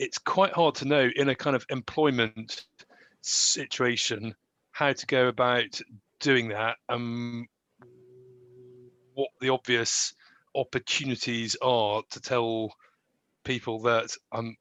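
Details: Adult graduate who stammers and tried to hide the stammer in job interviews; real, unscripted speech; stammering.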